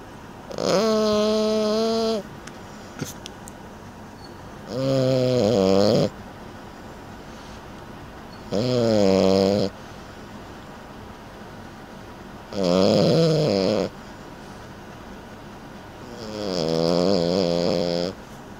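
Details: 30-week-old French Bulldog napping: regular, tonal, buzzing snores on each breath, about 15 a minute, with quiet gaps between; steady snoring during sleep.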